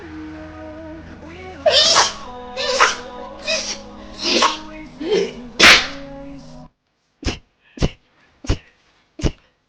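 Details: Girls rapid-sneezing on live streams: a string of rapid sneezes over background music, then four quick, sharp sneezes in quiet, a rapid sneezing fit.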